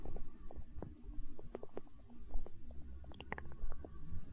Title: Stomach growl